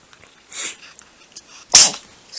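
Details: Cat sneezing, possibly allergy-related, with the owner mentioning liquid Benadryl. A soft hiss, then one sharp, hissy burst: a single sneeze.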